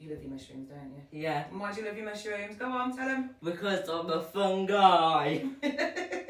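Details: Adult and child talking together; ordinary conversational speech.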